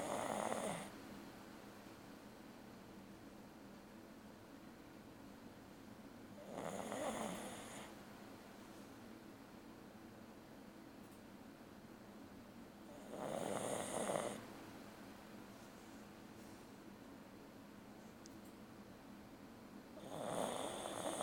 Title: Snicker snoring.